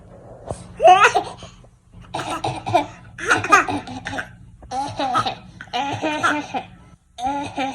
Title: Baby fakes coughing